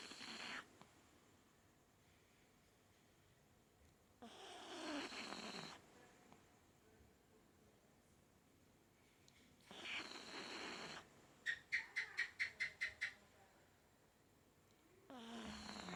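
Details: Pet dog that sleeps and snores all day, snoring while asleep: long, loud snoring breaths every few seconds, with a brief run of rapid snorting between them.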